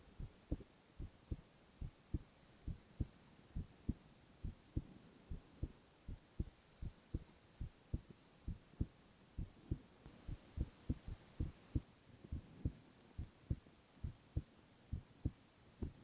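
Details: Male ASMR recording of heart sounds alone, without speech: steady low paired heartbeat thumps at about 69 a minute, regular rhythm; normal heart sounds.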